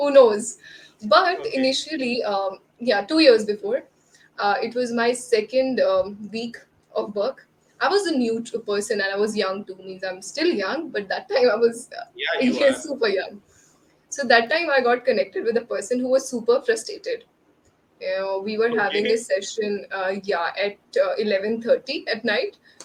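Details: Adult woman speaking; ordinary fluent speech.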